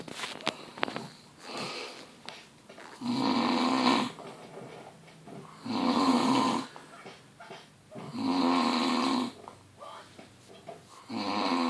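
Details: Very loud, rough snores from a sleeper dubbed the world's loudest snorer, recurring about every three seconds with quieter breathing between; heavy snoring.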